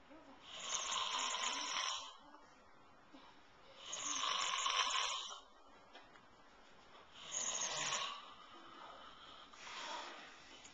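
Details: Old man snoring in a quiet room, slow rough rattling breaths about every three seconds, roughly 19 a minute; he does this every night.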